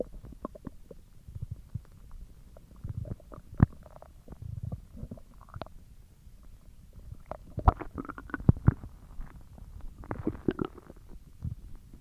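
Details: Stomach growling: soft, low rumbling with frequent small gurgles and pops; ordinary bowel sounds (borborygmi).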